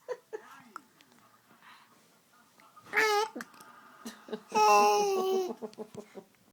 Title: Hiccups